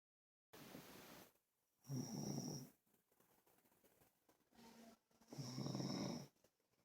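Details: Snoring: two loud, rough, rattling snores on breathing in, with quieter airy breaths out between them.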